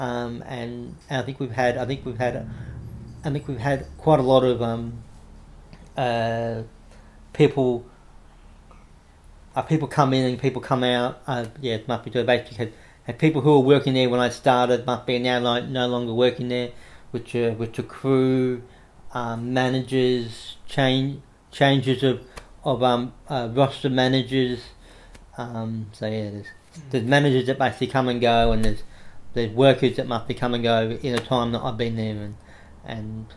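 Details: Adult man with cerebral palsy since infancy, no movement in his right side (right arm and leg affected), says he has a bit of a stutter he tries to control by calming down; stuttering.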